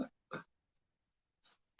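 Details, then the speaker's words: Adult man with hiccups while talking: two brief, abrupt throat sounds close together, then a faint breathy puff. "oh God I got the hiccups see what happens when I haven't had a loco for a month I got the hiccups oh this sucks I hate the hiccups"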